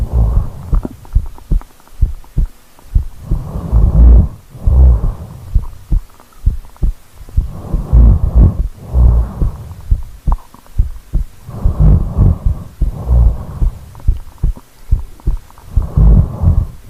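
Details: Real sleep recording of a snoring person who rolled over: soft, steady low heartbeat thumps beneath slow, noisy sleep breathing, about 15 breaths a minute; normal resting heartbeat.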